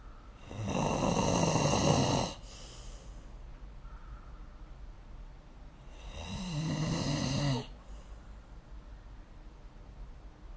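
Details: An adult snoring during sleep, recorded with the SnoreLab app: two long, rough inhaled snores about five seconds apart, with quieter breathing between.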